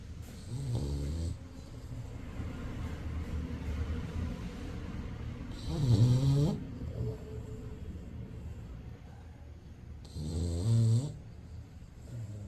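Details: Snoring: low rough rattling noises on breathing in, recurring about every 4–5 seconds, roughly 12 a minute, over steady room noise.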